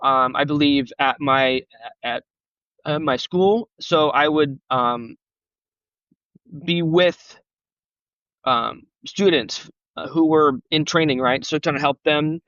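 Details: Adult male who has stuttered since age 5, with on-and-off speech therapy from grade school through college and self-esteem struggles due to stuttering; real, unscripted conversational speech showing stuttering.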